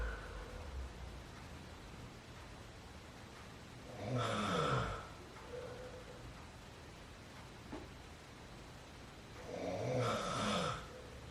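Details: Father snoring during sleep at midnight: two loud rattling snores about six seconds apart, separated by quieter breathing, in a quiet room; ordinary snoring.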